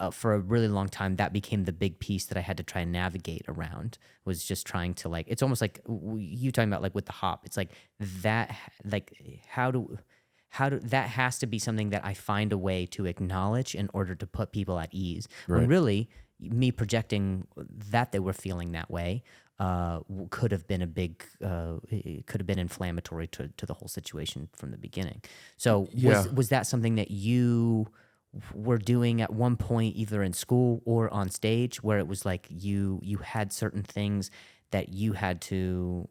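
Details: Adult male comedian with a stuttering disorder, attending speech therapy, speaking in conversation; stuttering.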